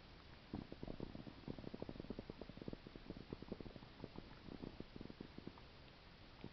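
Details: Continuous low gurgling and bubbling abdominal sounds with frequent short pops, attributed to a stomach ulcer; active bowel sounds (stomach rumbling).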